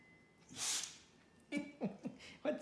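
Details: 13-year-old female rescue dog sneezing repeatedly: a sharp burst of breath, then a few short snorting huffs as she clears her nose.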